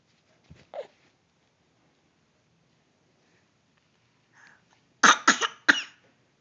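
A faint breathy sound, then a burst of three quick, sharp coughs from an infant in a quiet room.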